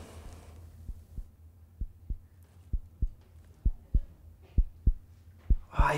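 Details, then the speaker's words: Normal heartbeat heard as a presenter in a children's documentary listens to his own heart through a stethoscope: regular paired low thumps, about 65 per minute, over faint rubbing noise. "jetzt zeigt mit tarek wie ich mein herz sogar hören kann das geht mit dem teil hier einem stethoskop"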